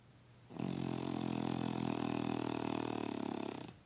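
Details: A single sustained, rattling, low-pitched snore lasting about three seconds; snoring.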